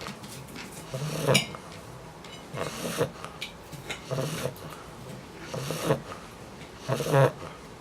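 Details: A sleeping English Bulldog puppy snores in a steady rhythm, with rough, rattly breaths about every one and a half seconds: snoring.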